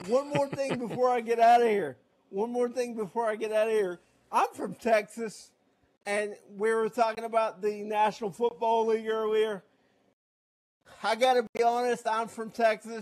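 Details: Adult man with cerebral palsy, also with shaky hands and using a wheelchair; dysarthria (cerebral palsy).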